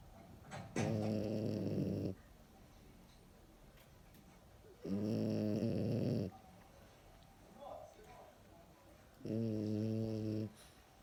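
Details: Three loud, rough, buzzing snores, each one to two seconds long, about 14 a minute, with quiet pauses between them: a sleeping dog snoring, first mistaken for the husband snoring.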